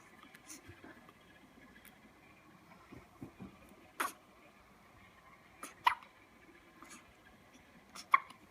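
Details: A baby's brief, sharp hiccups recur at irregular intervals, with soft baby noises in a quiet room.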